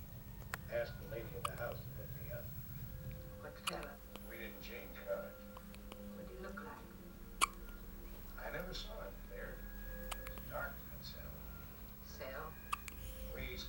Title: Sleepy Hiccups